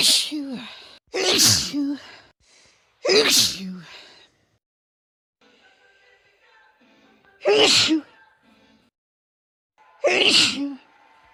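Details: About five loud, explosive sneezes from women, some with a sharp in-breath before, separated by quiet gaps with faint background sound; sneezing.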